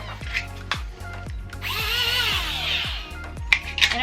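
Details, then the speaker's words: Paramedic demonstrating an intraosseous (IO) gun from an ambulance drug box, a hand-drill-like device that drills a needle into bone marrow when IV access fails: short whirring bursts with sustained motor whine; IO drill operating. "io gun it goes um it drills a needle right into your bone marrow directly if we can't get an iv so that way we can give you emergency medication"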